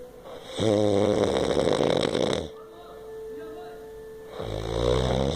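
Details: Loud, vibrating snores on each breath in, separated by quieter pauses, with a steady background tone; snoring.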